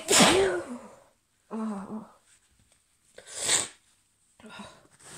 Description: These happened about 5 minutes after the other fit. Might have to take an allergy pill at this rate 😅